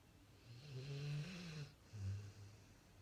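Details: Pit Bull dog in deep sleep, undisturbed as cereal is stacked on his head: low rumbling snore on the in-breath, then a quieter second snore after a brief pause; snoring.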